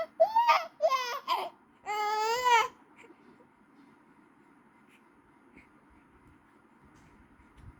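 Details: Infant crying: a high-pitched, loud, persistent wail or whimper from a baby.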